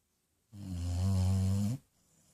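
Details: Basset hound, female, snoring while asleep on owner's lap: a single long, low, buzzing snore on one breath in a quiet room.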